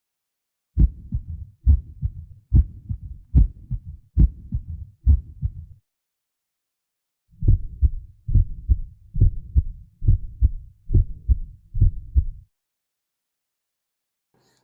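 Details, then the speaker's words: Normal heart sounds S1 and S2, regular low thumps at about 69 a minute; S1 from closure of the tricuspid and mitral valves, S2 from closure of the aortic and pulmonary valves. "So S1 due to closure of triricuspid and mital walls. S2 due to closure of aotic and pulmoni walls."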